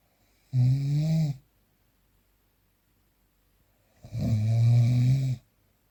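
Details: Unprocessed real recording of a sleeping person: two long, deep, rattling inspiratory snores separated by a quiet pause; loud snoring during sleep.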